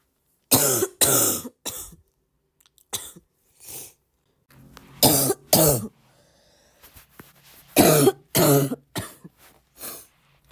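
Bouts of harsh, loud coughs in quick clusters, about a dozen bursts with short pauses, in a quiet room; a persistent repetitive cough.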